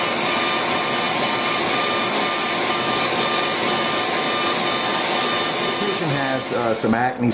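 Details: Light CO2 laser (about 40 millijoules, density six) running during one-pass facial resurfacing for fine lines and wrinkles: loud steady machine whir with faint tones throughout, and a brief voice at the end. Patient also has acne scars.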